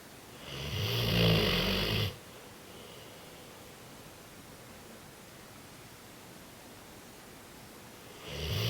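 Two loud, rumbling snores separated by a long quiet pause while asleep.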